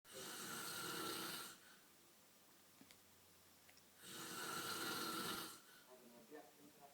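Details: Two long, wet, rattling snores about four seconds apart with quiet breathing between; loud noisy snoring at night.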